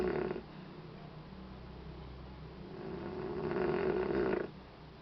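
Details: Snoring in a sleeping baby: soft, rough, snorting breathing noise rising and falling with each breath, with steady room hum behind.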